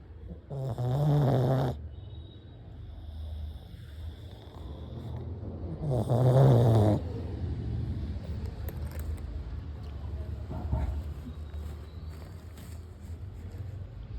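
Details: Pug snoring: two loud, rattling snores about five seconds apart, with noisy breathing between them.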